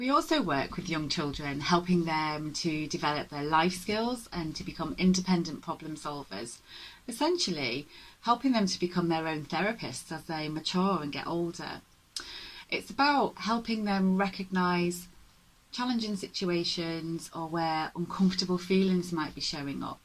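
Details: Adult woman speaking; normal fluent speech.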